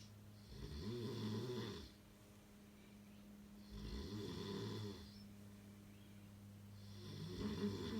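Low, rumbling snores on each breath, about 19 a minute, over a steady background hum: snoring.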